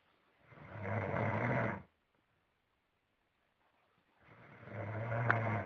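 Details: A person snoring like a pig: two long, loud rumbling snores on breathing in, separated by a quiet pause of about two seconds; snoring.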